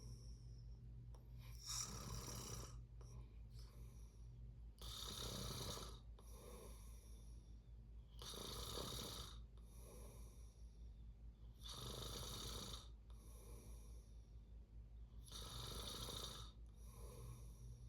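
Rough, rattling breathing noise repeating about every three and a half seconds, about 18 breaths a minute, over a steady low hum; snoring.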